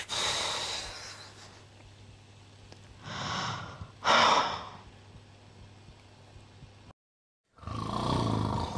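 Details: Acted imitation of snoring: four loud, rough, snort-like breathing bursts at an irregular pace, with a low background hum.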